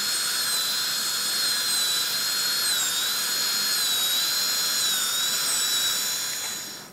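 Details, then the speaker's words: Steady high-pitched dental handpiece whine, wavering slightly in pitch, finishing and polishing restorations at the gingival margins and clearing excess bis-acryl composite near the papilla, in restorative treatment of malpositioned dentition. "what's up and we're just going to go around finish our gingival margins polish and then we'll be done Jay"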